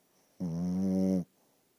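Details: Dog snoring, likened to a walrus: a single low, buzzing, vibrating snore lasting under a second in a quiet room; plain snoring.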